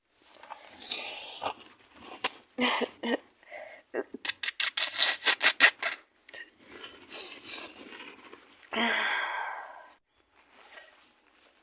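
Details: Adult with an awful cold, maybe flu, with fever: a sneeze, a quick run of short coughs, then long nose-blowing into a handkerchief, fitting a cold with nasal congestion.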